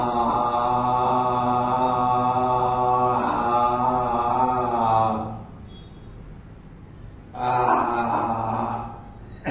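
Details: Male patient's voice after puberphonia treatment with speech therapy, shown as improved, normalized low-pitched voice after puberphonia therapy.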